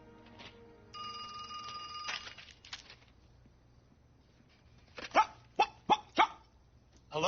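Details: Acted barking vocal tic of Tourette syndrome in an adult man, from the 2008 film Front of the Class.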